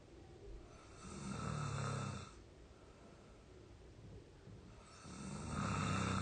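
Two deep, rumbling snores on breathing in, about three seconds apart with quiet breathing between; typical heavy snoring.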